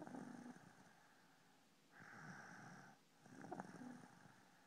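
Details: Soft, fluttering snores over a few slow breaths, with a faint rumble on each inward breath.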